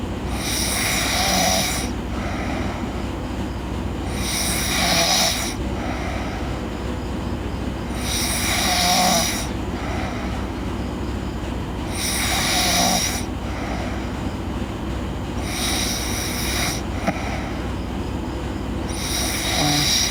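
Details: Girl snoring in sleep: loud, harsh, rasping breaths repeating about every 3.5 seconds, around 17 a minute, over a steady low hum.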